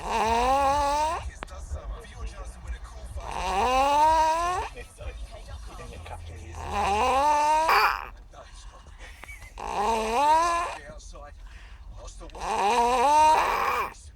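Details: A sleeping 4-year-old boy snoring: loud, rising, vibrating snores at about 20 a minute, with a low background hum.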